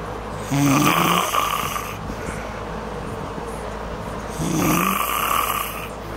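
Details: Woman sleeping out cold and snoring: two loud, rasping snores about four seconds apart over a steady fan hum, on a cold night with a window partly open.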